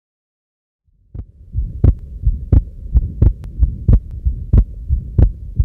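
Regular heartbeat near 90 a minute over a steady low hum, consistent with atrial septal defect: widely split second sound and short systolic murmur.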